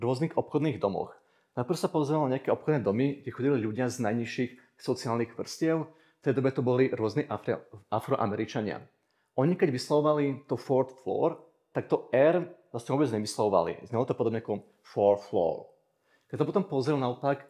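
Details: Adult male speaker; normal speech.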